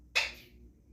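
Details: Talking parrot, tagged Alexandrine (also tagged ringneck), sneezing: one short, sharp, hissing burst, a single bird sneeze.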